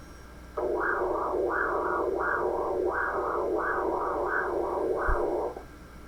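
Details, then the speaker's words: Hepatic vein Doppler in an elderly patient with no sonographic liver abnormalities, showing well-positioned waves with atrial contraction, systolic and diastolic components: normal triphasic hepatic vein waveform. "y ahora veo otra honda normal en este caso este es un paciente también sin alteraciones ecográficas del hígado un paciente añoso y veo las ondas posicionadas adecuadamente"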